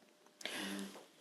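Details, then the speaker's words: A small pet dog sleeping in the background gives a single raspy, fluttering snore against quiet room noise. "parenthèse depuis tout à l'heure vous devez entendre ronfler c'est ma petite chienne"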